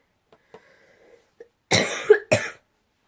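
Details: A couple of faint breaths, then two loud, harsh coughs in quick succession, the first with a rough catch: coughing from a person who says they have been very ill and still are.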